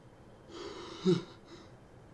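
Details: Cold-induced sneeze from a person with a current cold and sensitive nose, sneeze deliberately induced: brief breathy intake, then one short, wet-sounding sneeze burst.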